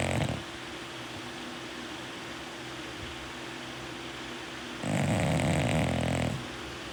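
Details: A sleeping bulldog snoring: two loud, rough, rumbling snores with a steady hum between them.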